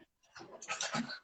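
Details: A soft murmur gives way to a sudden loud, wordless vocal outburst, a vocal tic in a woman recently officially diagnosed with Tourette syndrome, who also mentions FND and tic attacks.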